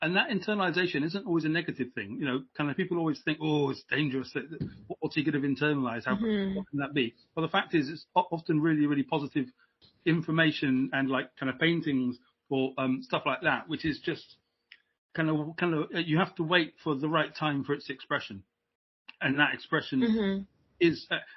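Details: Adult British man who has stammered since age five, repeating stammer in childhood that later took hold; now much improved, uses voluntary stammering and modification techniques (stammering/stuttering)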